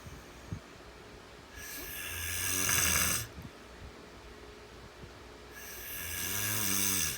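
Two long, loud rattling snores on breathing in, with quiet pauses between; ordinary snoring.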